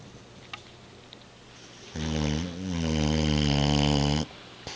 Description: Bubba, the Boxer, snoozes away on a Sunday evening, west of the Rockies.